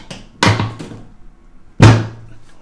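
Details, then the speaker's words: Chiropractic drop-table lower back adjustment, left hand on L5 with slight rotation, patient lying: two loud banging thuds as the raised table section drops; the noise comes from the table, not the joint. "i'm gonna lift the table and this is gonna make a banging drop noise okay"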